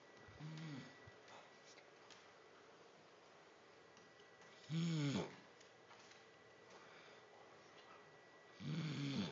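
Three soft, low rattling sounds spread over nine seconds with quiet between them, fitting snoring in light sleep.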